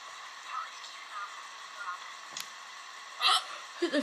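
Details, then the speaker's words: Hiccups lasting about 10 minutes: a quiet room with faint voices, then a sudden sharp hiccup click and a couple of brief vocal hiccup sounds near the end. "guys, this is the freeway hiccup."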